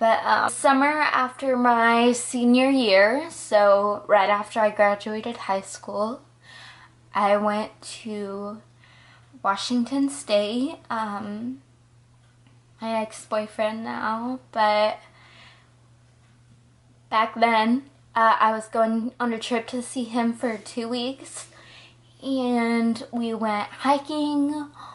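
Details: Ataxic dysarthria in a 20-year-old woman with progressive Friedreich's ataxia, diagnosed at 19, also affecting balance, coordination, heart and muscles but not cognition.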